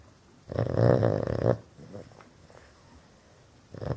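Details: Boston Terrier, which snores loudly all the time, sleeping with its eyes wide open: a loud, rough, snorting snore on one breath, then quieter breathing noises before the next snore.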